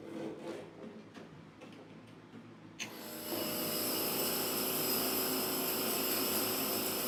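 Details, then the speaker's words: Humidified mist flowing steadily through a tracheostomy mask from a 50 psi trach compressor: a low mechanical whir, then a loud steady hiss of mist, giving enough moisture for the patient to inhale. "please contact your nurse or contact respiratory so that we can figure out exactly what's going on but again you want sufficient mist so when they inhale"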